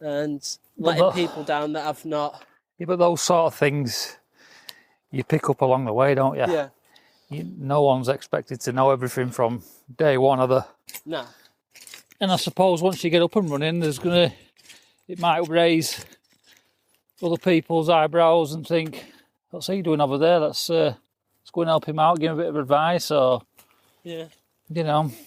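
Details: Adult male speakers in conversation; typical speech.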